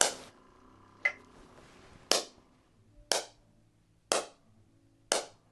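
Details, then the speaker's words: Softwave shockwave therapy on a long-standing ankle problem during chiropractic visit, intensity being raised, patient rating pain about four to five: crisp snapping pulses about one per second, fading after each. "so the soft wave mimics an injury so you know how you've had this thing forever so we're kind of trying to convince the body that this is a brand new entry"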